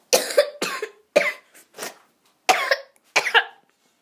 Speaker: I just have to cough a lot, guys.